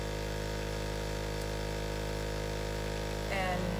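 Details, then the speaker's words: Suction unit running continuously during pediatric inline tracheostomy suctioning, suction pressure checked not over 200, catheter withdrawn with suction held on: steady electrical hum with a brief voice at the end. "continuous suction and again I'm holding this on so that I'm pulling back on that when we're done"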